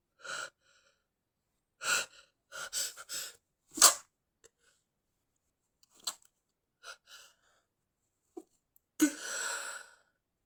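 Series of short, hissing, partly suppressed sneezes and quick inward breaths, some in rapid succession, ending with a fuller sneeze.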